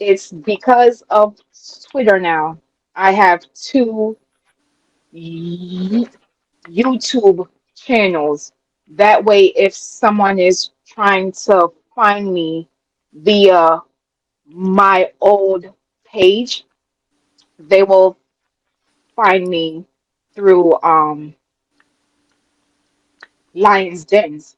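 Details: Adult woman with a self-reported, audible speech impediment she calls her "disability"; real speech: speech impediment.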